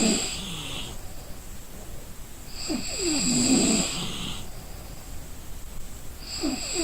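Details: Exhausted person snoring while asleep; rough, rattling snores with a whistly, hissing edge, recurring every few seconds.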